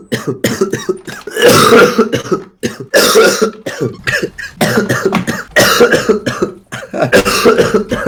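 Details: Adult man coughing all evening, says coughing feels so bad his eyes bulge out: about five harsh coughing bursts in close succession with brief gasps between; persistent, forceful cough.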